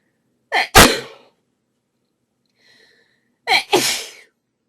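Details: Two sharp, explosive sneezes, each preceded by a quick in-breath and separated by quiet, from a female during a desperate sneezing fit with a very sneezy nose; audio only.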